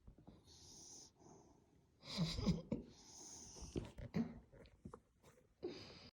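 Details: Sleeping flat-faced dog snoring like a hog-dog Frenchie: snorting, wheezy snoring, with a hushed voice in the background telling the dog to keep it down.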